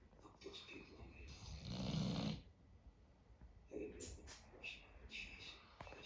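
A long, rough, rattling breath noise rises and fades, then softer snuffling breaths follow; a sleeping dog snoring.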